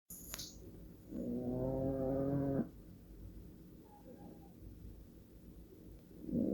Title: Old cat snoring while sleeping - audio only